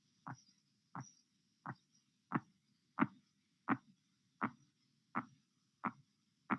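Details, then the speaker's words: Korotkoff sounds heard through a stethoscope as the blood pressure cuff deflates: silence until the first sound at 116 mmHg, then regular soft taps at about 86 a minute through the phases until they disappear at 90 mmHg (116/90). "You will hear nothing until the first Karatkof sound appears at 116 mm of mercury. The various phases of Karatkov sounds will be heard until their disappearance at 90 mm of mercury."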